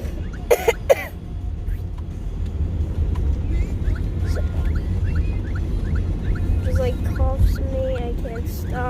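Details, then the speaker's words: Adult with a persistent cough, getting ready to go to a doctor's appointment: a quick run of short, harsh coughs over steady vehicle rumble and chirping birds. "And it's just insane. One like and subscribe button equals to one pray for my coughing to be gone."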